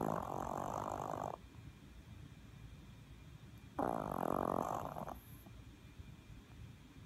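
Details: Little Maltese dog snoring: two rough, fluttering snores about a second long each, a few seconds apart, with soft breathing between.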